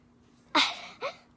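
A sharp, hissing burst of breath followed by a second, weaker burst, consistent with a sneeze, in a quiet room.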